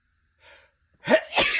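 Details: Quick breath in, then an explosive voiced sneeze with a hissing burst from a male sitting in his car after dinner at a restaurant; ordinary sneeze.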